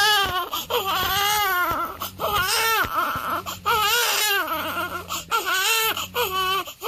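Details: Crying of a 7-day-old newborn baby.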